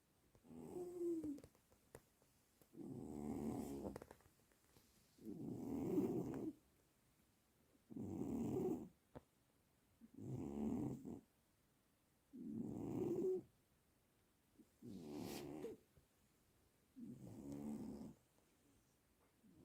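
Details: Loud, regular rattling snores from a sleeping pet, about eight in twenty seconds, in a quiet room, loud enough to keep another pet awake: snoring.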